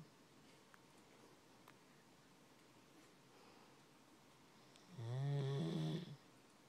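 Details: Sleeping Doberman dog: quiet room hiss, then one low, rumbling snore lasting about a second; snoring.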